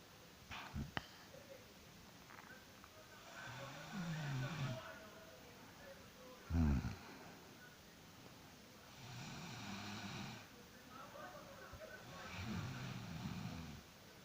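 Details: Woman asleep: low, rumbling snores roughly every three seconds, about 17 breaths a minute, against steady background hiss. Ordinary snoring.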